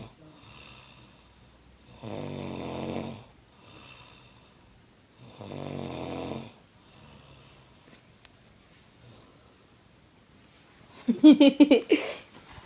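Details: A sleeping woman: two long, rattling snores on the in-breath, then a burst of rough, fluttering snorts at the end; snoring.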